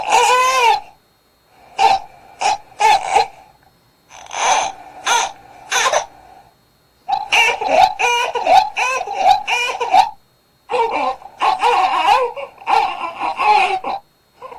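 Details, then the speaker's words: Newborn with trapped gas wanting to burp: short, clipped, strained, impactful cries in bursts, with a rooting mouth as if wanting to feed and a frustrated look; infant gas cry. "자 가스차서 불편하기 소리를 한번 들어 볼 텐데 보시면 입 모양이 막 이렇게 막 먹고 싶은 것처럼 돌아가는 아기도 있고 보면 답답해 보이기도 합니다 짧고 임팩트 있게 하고 소리를냅니다"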